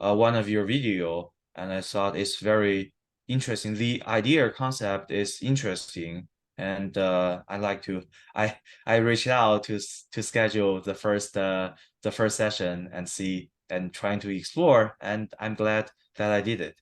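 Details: Adult man who has stuttered since childhood, for about 15-20 years, recorded after 7-8 weeks of stuttering therapy. Word and phrase repetitions and filler words are present. Stuttering.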